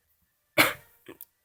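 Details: Person coughing awkwardly on a phone recording: one sharp, explosive cough followed by two small, held-back aftersounds, an isolated cough.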